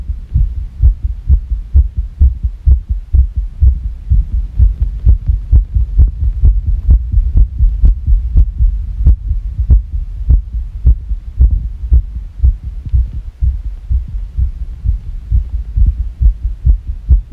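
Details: Fast irregular heartbeat, about 128 per minute with uneven spacing between beats, over a low hum; labeled as sick.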